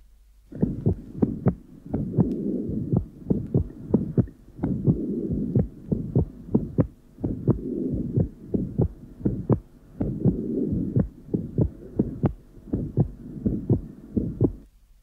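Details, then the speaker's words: Atrial septal defect: a split S1 with a soft mitral component before a loud tricuspid component, plus a pulmonary ejection systolic murmur and widely split S2. "the soft mital component will only be heard if the listener concentrates on the period immediately preceding the obvious and quite loud tricuspid component"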